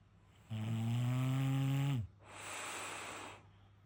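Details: Sleeping bulldog snoring: a loud, low, vibrating rattle on the in-breath, then a softer airy out-breath.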